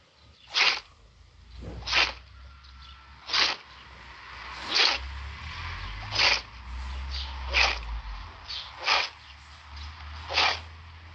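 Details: Animal having a sneezing fit: sharp, hissing bursts about every second and a half, roughly eight sneezes in a row.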